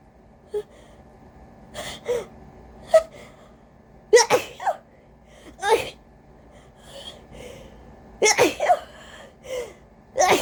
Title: EXTREMELY desperate, EXTREMELY powerful VERY congested, induced cold sneezes (rapid-fire)🤧🤧🤧